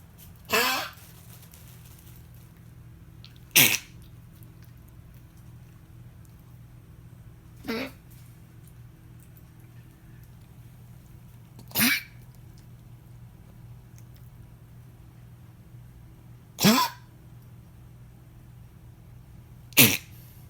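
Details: Pet's hacking cough: six short, sharp, harsh bursts at uneven intervals over a low steady hum; hacking cough.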